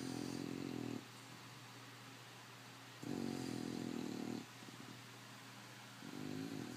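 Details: An English Bulldog snoring: loud, low rumbling snores with quiet gaps, about three cycles roughly one every three seconds; snoring in a flat-faced dog.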